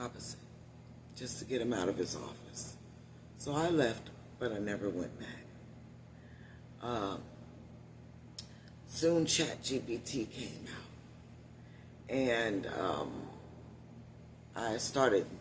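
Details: Adult woman with one vocal cord paralysed, voice lost about three years ago; must put out much more air to speak and tires when speaking loudly; unilateral vocal fold paralysis.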